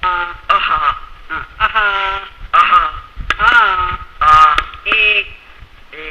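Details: Breathy dysphonia from right unilateral vocal fold palsy after thyroidectomy in a female patient, heard before speech therapy.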